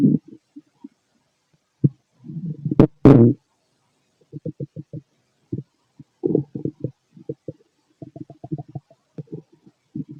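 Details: Male stomach noises during digestion: irregular gurgling and bubbling rumbles from the abdomen with one louder, longer gurgle; ordinary bowel sounds (borborygmi).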